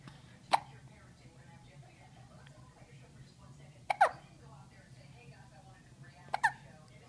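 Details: Three abrupt hiccups from a girl about three seconds apart, each a short sharp catch of the voice, with faint background music.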